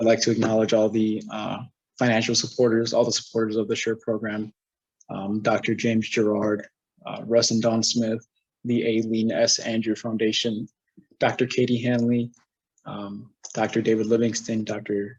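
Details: Adult male speaker; normal voice.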